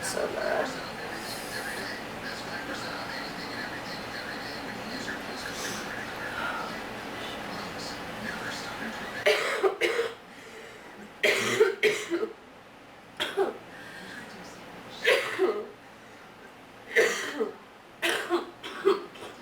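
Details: About seven short, harsh coughs in irregular bursts over ten seconds after background noise, acted by someone playing a person sick with allergies and a sore throat.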